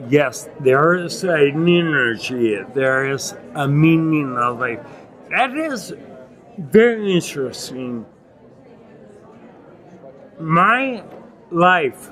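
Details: Adult man with non-progressive acquired ataxia and myoclonus (Lance-Adams syndrome) after severe brain damage from Legionnaires' pneumonia and a 12-day induced coma in 2011; reports difficulty speaking and articulating and getting winded when speaking; ataxic dysarthria.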